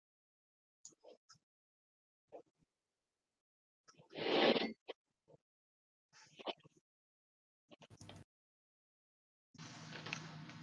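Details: EMG end plate noise.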